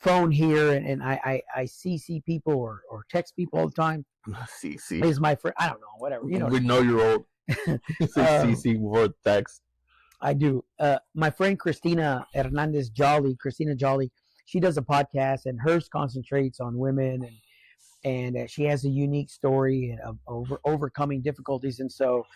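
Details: Adult man with occasional stuttering since a stroke, mainly on words starting with S and R, where the word won't come out; attending therapy and medical appointments for it; acquired neurogenic stuttering.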